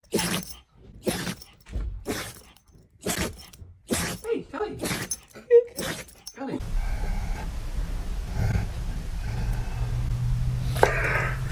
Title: Dog sneeze 🤧 #foryou #funny #laugher #funnydogs #animals #pets #funnyanimals